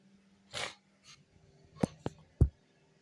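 One forceful sneeze, then a few short nasal sniffs and snorts in a quiet room.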